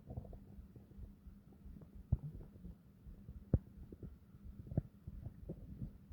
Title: Long and deep stomach growls to relax